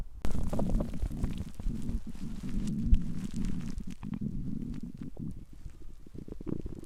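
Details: Stomach growling: a long, low gurgling rumble with bubbling pops from the belly.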